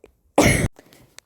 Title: I'm dying so don't mind the coughing Not even pronouncing words correctly